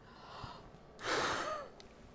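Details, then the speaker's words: Pharmacist demonstrating peak flow meter technique for asthma monitoring: one short, hard, rushing blow after deep breath in, forceful exhalation reading around 400; normal peak flow forced exhalation. "So you breathe in and you blow out as forcefully as you can. That time I did around 400."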